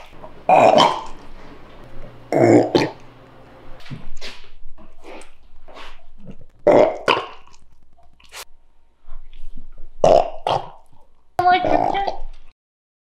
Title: Master collection of dog burps | Bagel the Shiba